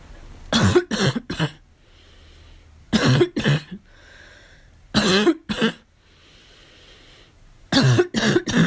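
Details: Girl coughing on purpose: four clusters of dry coughs, about eleven in all, with quiet pauses between; voluntary, performed coughing rather than illness.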